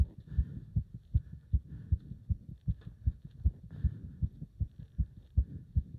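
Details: Heart sounds recorded during leg wrench exercise: fast, strong, regular thumps at about 150–160 per minute, with pounding felt up to the subclavian artery; rapid forceful heartbeat during exertion.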